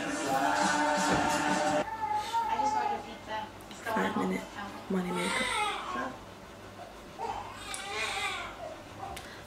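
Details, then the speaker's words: Baby son's intermittent rising-and-falling cries in the background over room noise and a steady tone; he has wind and has not been settling for several days. "the baby crying in the background? That's my cue. 5 minute money makeup. It's not settling today, man."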